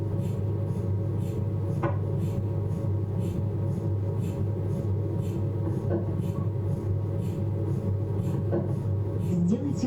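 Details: Abdominal MRI on a Philips 1.5 T scanner: loud, steady electronic droning with regular soft pulsing about once a second, MRI scanner noise during an imaging sequence.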